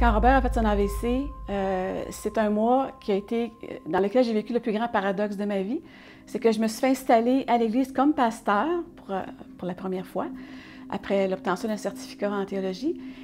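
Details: Adult woman speaking French; normal fluent speech.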